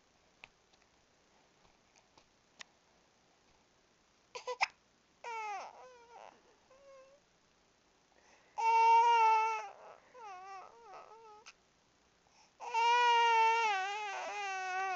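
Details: Infant with hiccups: a few sharp hiccup-like clicks, then crying in three rising, wavering bursts in a quiet room.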